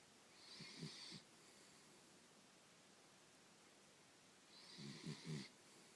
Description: My wiener Sammy snoring like a little pig.